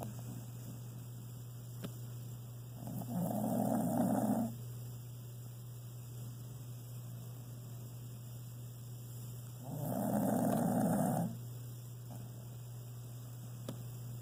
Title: Copy snoring